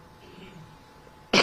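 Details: A single cough from a speaker during a Marathi political speech to a crowd.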